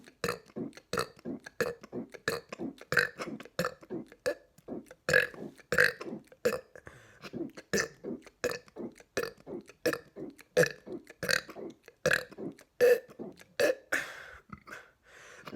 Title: 200 Burps